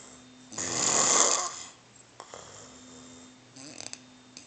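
One loud, harsh inhaled snore followed by quieter breathing with a faint hum in the room: snoring.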